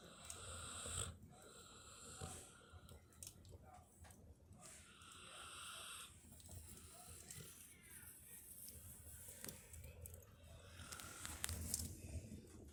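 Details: A sleeping pet puppy, a guard-dog type, snores with soft, whistly, noisy breaths in a quiet room.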